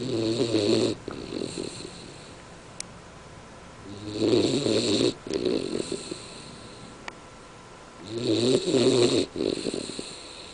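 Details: Loud, rattling snores in paired in-and-out breaths, about 15 a minute, with quiet pauses between them; described as sawing logs.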